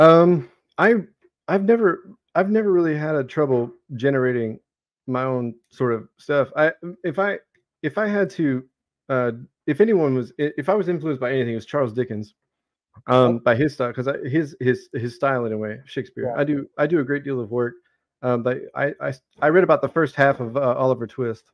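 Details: Adult male Navy veteran with Tourette syndrome beginning around age 25, also with self-injurious motor tics, a repeated single-word vocal tic interjected while speaking: Tourette syndrome vocal tic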